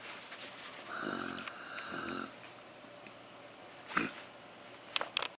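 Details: Sleeping dog: two soft, whistling snoring breaths followed by quieter sniffing sounds; snoring.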